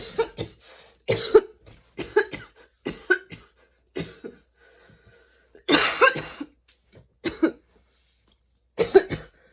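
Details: Sudden-onset, unexpectedly long nonstop coughing fit that kept worsening, bringing tears and constant position changes: harsh coughs in quick clusters of short bursts with brief gasps between, no real pause; prolonged coughing fit.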